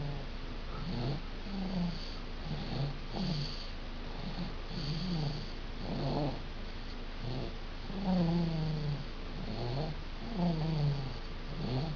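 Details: Baby snoring a lot: soft, repeated, low grunting snores with each breath over a steady background hiss.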